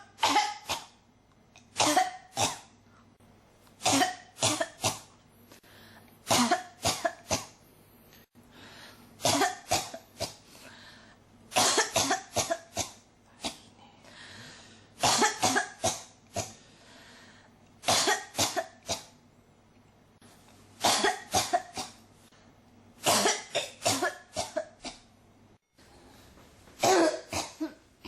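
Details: Repeated clusters of dry, harsh coughs recurring every few seconds, a cough that will not stop: persistent cough.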